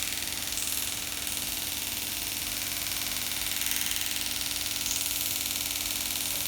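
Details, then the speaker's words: Shockwave therapy device treating Achilles tendonitis with thickened tendon (sixth session), patient finding it sometimes sharp but relaxing: fast regular tapping pulses at about four per second over a steady hum; device firing continuously. "it's comfortable at times and sharp at times but I actually find it quite relaxing the the constant sort of vibration that it that it that it puts out"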